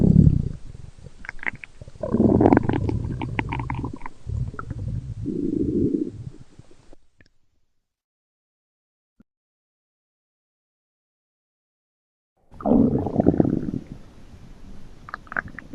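Low gurgling, rumbling bursts with a short silent gap, then more rumbling; a growling stomach from a sound-effect recording.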